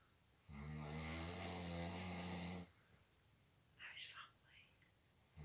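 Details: Snoring while drunk: one long, loud, rattling snore on the in-breath, followed by quiet breathing and faint rustling; ordinary snoring.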